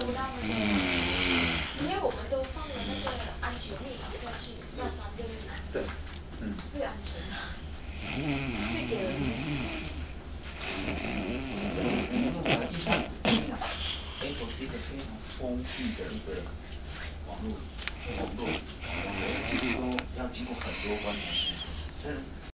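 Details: Irregular rough, fluttering breathing with whistling and snorting sounds; snoring.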